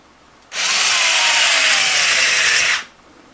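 A steady high-pitched drill whine lasting about two seconds: a powered intraosseous drill placing a catheter into the upper arm bone of a mannequin.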